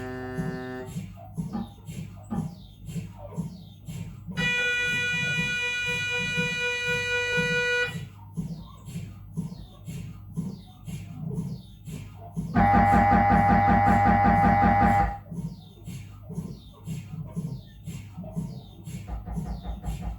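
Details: Siemens Magnetom Avanto 1.5T MRI scanner during a normal head examination: rapid rhythmic knocking with loud, steady buzzing tones in bursts; typical scanner noise.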